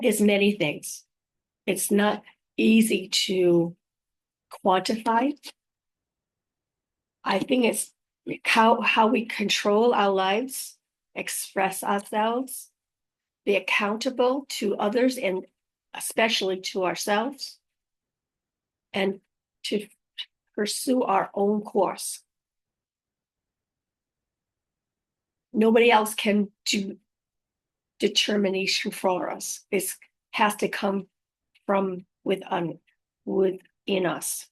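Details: Woman living with post-stroke aphasia, who also mentions apraxia of speech and dysarthria, recorded unedited on a good day in the morning; aphasia.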